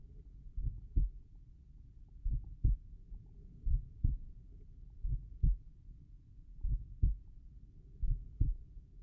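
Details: Slow heart sounds described as tricuspid valve heart sounds; normal heart sounds.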